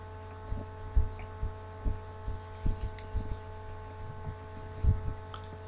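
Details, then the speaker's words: Normal heart sounds at the mitral focus, fifth left intercostal space at the midclavicular line, during a physical exam by systems: regular low thumps over a steady hum at about 80 a minute, the patient's normal heartbeat. "que tenemos que percibir el latido normal que pueda presentar nuestro paciente"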